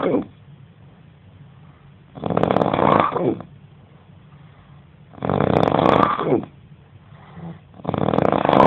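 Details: Roommate snoring heavily during sleep, described as insane snoring: loud, rattling snores recurring about every three seconds, roughly 20 breaths a minute, with quiet gaps between.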